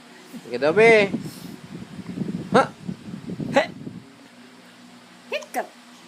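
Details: An infant gives several short, sharp, voiced hiccups against low room noise.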